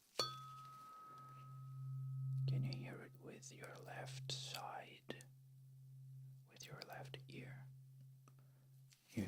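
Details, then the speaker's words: Simulated ASMR cranial-nerve-exam roleplay: a struck tuning fork's steady low hum rings under soft whispered speech as the listener is asked to hear it with the left ear, then the right, with one ear covered; tuning fork hearing test. "A tuning fork test. Okay. So can you hear it with your left ear? And what exactly you can hear the vibration."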